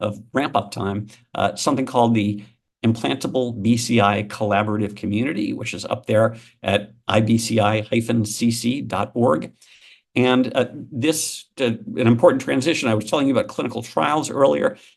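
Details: Adult male speaker; normal speech.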